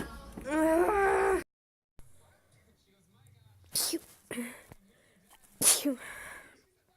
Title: Me sneezing 35 seconds straight